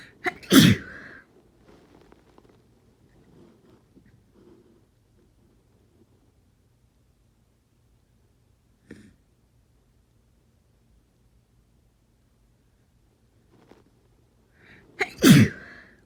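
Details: Two forceful, unstifled, non-induced sneezes from a person with a cold, each loud and explosive with a sharp inward breath before, separated by quiet room noise.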